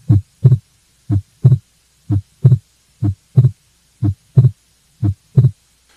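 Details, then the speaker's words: Regular heartbeat at about 60 a minute in which the second heart sound is split the same in every beat: a fixed split S2, caused by increased right-sided flow from an atrial septal defect. "AS SD leads to increased right-sided flow that's the cause of the fixed S2 split and also the cause of the systolic murmur and I've got an example of a fixed split second heart sound which I'll play for you"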